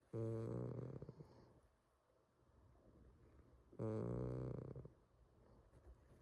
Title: Snoring cat